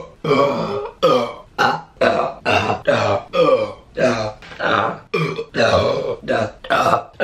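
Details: From a compilation of deliberate burping: a rapid series of about a dozen loud voiced burps in a row, each under a second long; burping.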